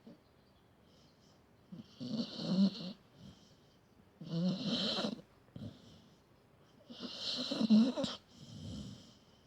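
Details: Sleeping dog snoring: three loud, rough, fluttering snores with quieter breaths between, in a slow, steady rhythm.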